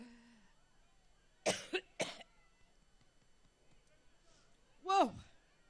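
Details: A woman, opening a speech in Cleveland, coughs three times in quick succession, pauses, then gives one more harsh, voiced cough while trying to control her cough: a coughing fit.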